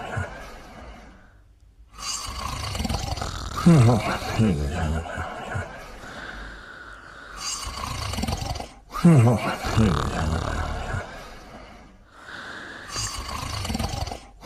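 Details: Mimi and her dog sleeping and snoring together: low rumbling snores with snorts, roughly 11 breaths a minute, irregular and uneven in loudness. Snoring.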